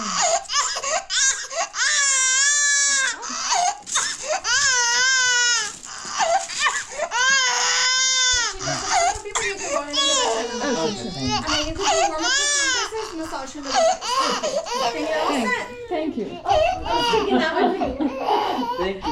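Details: 6-month-old (24-week) baby girl getting three vaccination shots, one on the left and two on the right: loud, high, wailing cries in long bursts with gasping breaths between them, over background voices; infant pain cry.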